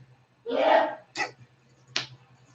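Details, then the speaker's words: A single sneeze from a man, heard in the background during a breathing meditation session. "Did you hear that sneeze? That's my stepfather."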